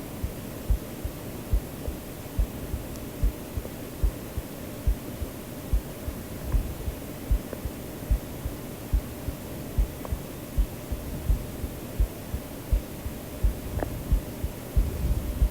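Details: Normal heartbeat, the maker's own recorded heartbeat added to a sleep-aid track: steady, regular low thumps at about 70 a minute under a constant hiss of white noise.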